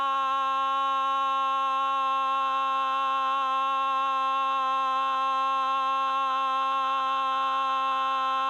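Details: Woman, 59, 2.5 years after Parkinson's disease diagnosis and on Parkinson medication, sustains 'ah' for about 21 seconds after intensive LSVT LOUD voice treatment; the clip is marked as loud. Sustained vowel phonation after LSVT LOUD treatment in Parkinson's disease.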